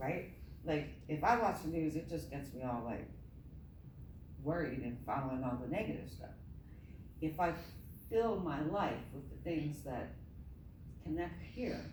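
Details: Adult woman with myasthenia gravis since age 7 (about 45 years), palate not working so air escapes through the nose, reading a passage apparently without her custom palatal device; hypernasal speech.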